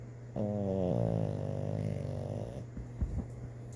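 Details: Sleeping dog Igor, dreaming: a low, rattling snore on one long breath fading into quiet breathing with a few soft snuffles; ordinary snoring.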